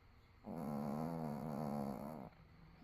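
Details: A sleeping dog at 9:00 AM, only up long enough to eat and go outside, gives one long, steady, rumbling snore on an in-breath, with quiet room sound; snoring.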